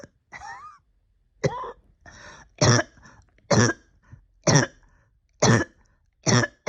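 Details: Persistent cough lingering about a year after a significant illness, with ongoing breathing difficulty: about seven harsh, hacking, throaty, chesty coughs with short quiet gaps.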